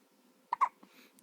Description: Little baby used to have the hiccups all the time in mommy's tummy. These were the first real hiccups since she has been born.